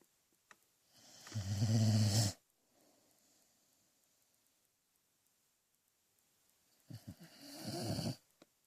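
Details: A sleeping dog snores with two rattling, low-pitched inward snores about five seconds apart, separated by quiet pauses.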